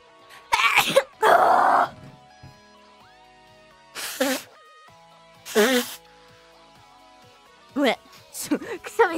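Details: A female VTuber on a livestream tries to do a cute sneeze: a quick vocal catch, then one forceful, noisy sneeze, followed by brief voiced sounds over steady background music.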